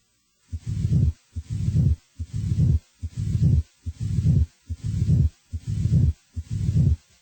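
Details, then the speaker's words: Teaching recording on murmur shape: a regular heartbeat near 72 a minute, each beat followed by a low murmur that swells in loudness: crescendo murmur. "The shape of a murmur is determined by its intensity over time. A crescendo murmur grows louder."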